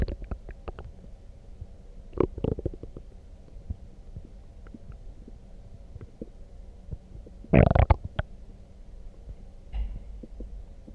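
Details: Loud gurgling and rumbling bursts from the belly after drinking coffee; ordinary bowel sounds (borborygmi), loud stomach growling.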